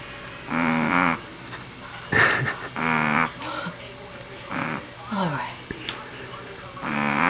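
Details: Pomeranian dog sleeping: rhythmic tonal, honking snores about every two seconds, with one snort; snoring.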